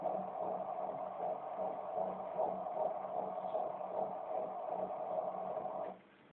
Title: My baby's heartbeat